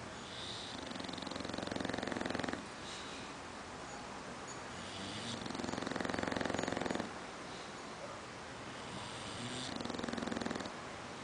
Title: Max- snoring English Bulldog .MPG.MPG